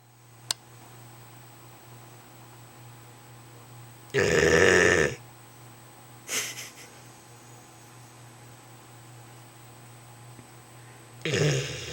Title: BRUTUS SNORING IN THE DARK